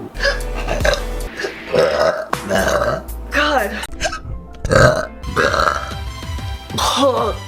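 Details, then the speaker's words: Several loud, voiced burps in quick succession, with brief breaths and background music between them; the person says the burping won't stop and they might puke. "Okay, I burped and I blew it out and then it hit me in the face again"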